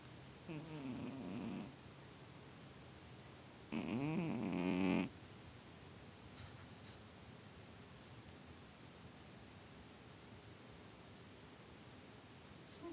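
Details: A sleeping animal snoring and twitching: two soft, buzzing snore-like breaths separated by quiet room noise; snoring.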